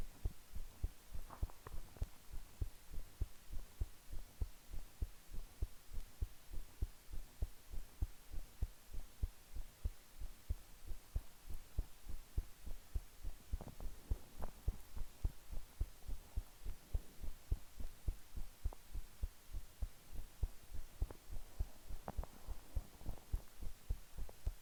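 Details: Normal resting heartbeat, best heard with headphones: steady, soft low thumps of a resting adult heart, even in rhythm with no extra sounds.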